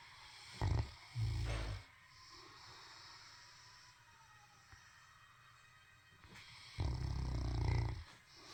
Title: snoring